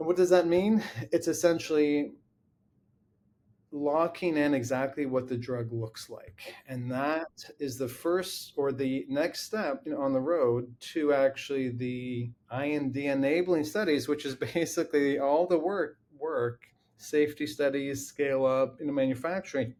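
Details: Adult man with lifelong familial stuttering; long blocks and repeated-word repetitions.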